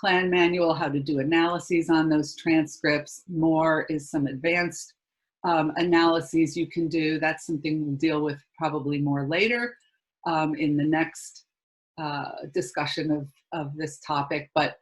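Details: Adult speaker; normal speech.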